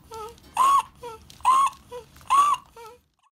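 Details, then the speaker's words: Inspiratory stridor with laryngomalacia (floppy voice box): a loud, high-pitched musical squeak on each breath in, quieter tones between, about 68 breaths a minute. "strider is a musical sound that mostly happens with breathing in as with this next video sometimes you will see retractions or increased work of breathing with a strainer and other times all you get is the noise"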